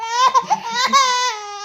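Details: Baby's reaction to a sneeze: a short, high, clear-voiced wail broken by brief catches; a brief infant cry.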